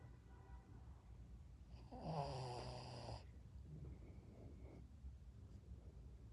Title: Cute Shih tzu snoring while sleeping #shihtzu #funnyshorts #ytshorts #ytshort #youtube